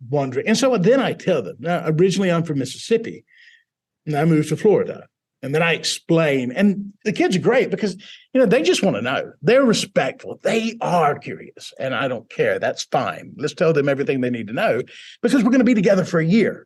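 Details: Adult man who grew up in Mississippi with foreign accent syndrome after a mini-stroke in 2010, present for 13 years; his southern accent became British-sounding.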